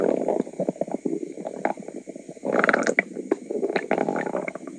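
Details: Woman's noisy stomach: loud, frequent gurgling and rumbling with bubbly bursts; ordinary stomach rumbling, bowel sounds (borborygmi).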